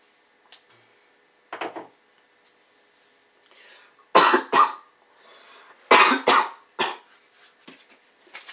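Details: A person who says they are sick, with a lowered voice: several short, dry coughs and throat clears in a quiet room, some in pairs, with pauses between.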